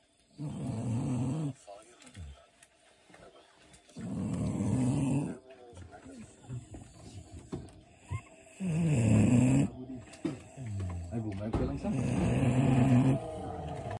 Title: Snoring Dog